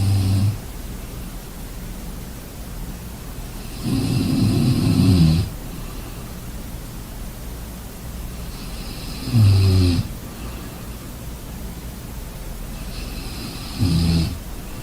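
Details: Loud, harsh snores on each breath in, about four over fifteen seconds with quiet gaps between, during sleep; heavy snoring.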